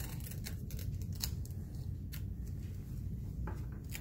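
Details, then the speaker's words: Sharp ripping and tearing of tape over a low room rumble as a nursing student temporarily tapes a newly inserted nasogastric tube in place before checking its position. "So at this point, I'm going to go ahead and temporarily tape it"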